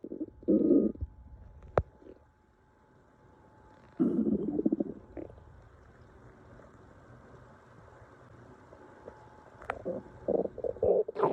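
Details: Loud, hungry stomach growling: bursts of gurgling, rumbling sounds with quiet gaps between them.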